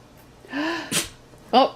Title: Подборка чихающих животных \ Animals sneeze